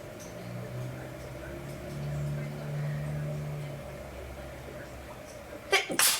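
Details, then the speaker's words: Person with a horrible cold and stuffy nose trying to make themselves sneeze: short breathy humming buildup, then one sharp explosive sneeze — single sneeze with a head cold. "Phew. Ah. That was a sneeze. Phew."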